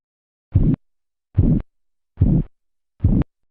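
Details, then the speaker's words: Four regular low thumps at about 72 a minute, each with a soft swishing murmur, heard over the brachial artery during manual blood pressure measurement as the cuff deflates: Korotkoff sounds, phase 2. "en la fase 2 los sonidos son acompañados de un tipo de murmullo"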